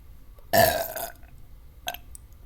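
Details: A long, loud burp followed by a shorter second burp, made during a Dr Pepper drinking challenge to see how long the burping lasts; burping.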